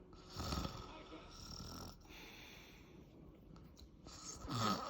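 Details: Adult man (a father) snoring in sleep: loud, rough inhaled snores with croaking, separated by quieter breathing and faint room noise.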